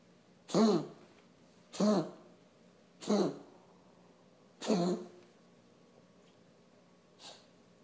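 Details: Five separate harsh, hacking coughs from a pet over about seven seconds, the last fainter, in a quiet room; a coughing spell recorded for veterinary review.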